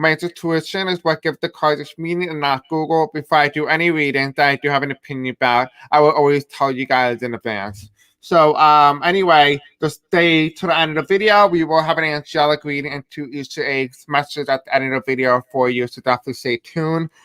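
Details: Deaf man with a self-described deaf accent and difficulty pronouncing certain words; deaf speech (deaf accent).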